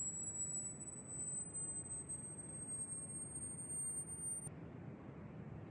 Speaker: So if you listened to that in Chrome and your headphones or speakers are up to the task you just experienced an audio tone that went from 1,000 hertz to 20,000.